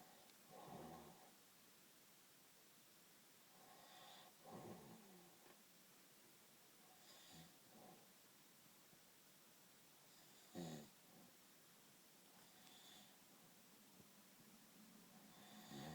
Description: This is my dad snoring he is the loudest snorer in the north east any bad comments about this video the comment will be removed and the user will be blocked and reported to YouTube got that as I don't tolerate any bad violence